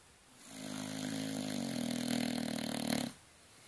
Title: Bronson the bulldog snoring